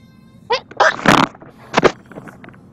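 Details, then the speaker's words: Powerful adult sneeze while live-streaming gameplay: a voiced intake builds into a loud, explosive burst, then a shorter second burst, knocking the headset off. "bubblegum okay I sneeze my headset off yes you did and I just took a right turn but I didn't crash"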